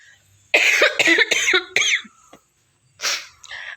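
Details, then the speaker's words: Acted cough in rainy season: a run of about four short, voiced coughs, then a breathy exhale. "siapa yang musim hujan begini Eh jadi sering batuk atau pilek hampir setiap hari uhu-uhu itu bukan hanya respon tubuh karena makan es terus"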